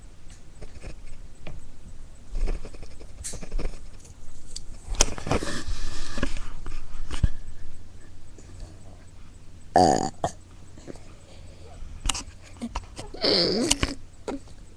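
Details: Burping on webcam: several low, gurgling belches over background shuffling and room noise.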